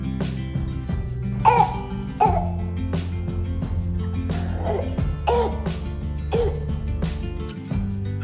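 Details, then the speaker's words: Demonstration of barking cough (croup), a viral infection of the larynx and upper airway, most common in children: about five harsh, loud, dog-bark-like coughs over background music. "Batuk menggonggong punya suara yang sangat [Musik] khas. Kasar, nyaring, dan sing terdengar seperti gonggongan anjing."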